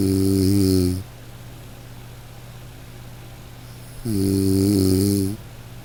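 Two long, deep, buzzing snores about four seconds apart over a steady hum; plain snoring used as a background sleep track.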